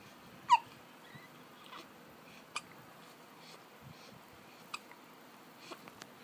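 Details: An infant hiccuping, seen for the first time by the mother, who had felt the baby's hiccups in the womb during pregnancy: faint, sharp little clicks at irregular intervals in a quiet room.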